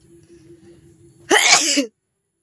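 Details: Deliberately induced sneeze in a sneezing challenge with watering eyes: a single forceful sneeze after quiet room noise with a faint steady tone.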